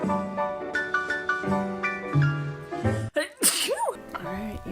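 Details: Female YouTuber sneezing mid-video: music plays, then breaks off for a sharp sudden burst with a high squeaky voiced tail; a single sneeze.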